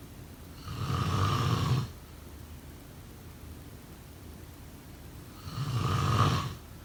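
Two long, low snores about five seconds apart, with quiet pauses between them. Ordinary snoring during sleep.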